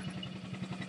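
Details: Low, steady, rapidly pulsing hum of a chest wall oscillation airway clearance vest, tubing hooked to a machine, briefly switched on by a cystic fibrosis patient with severely decreased lung function; settings vary pressure and vibration frequency.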